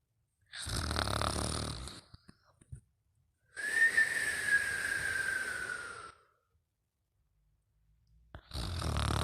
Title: Mimi Snoring and Whistling